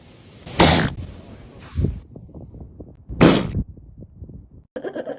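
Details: A pet animal sneezing, from a compilation of pet sneezes: two sharp explosive sneezes and a smaller one, with quiet snuffling between them and brief human talk at the end.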